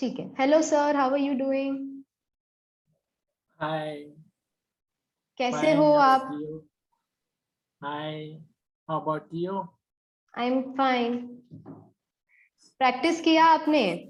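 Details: Adult woman, speech-language pathologist; healthy speaker.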